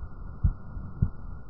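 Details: Two regular, low heart thumps about 0.6 seconds apart, normal rhythm near 105 beats a minute, from an infant vital signs trainer (simulator) heard through a stethoscope with a clip-on device.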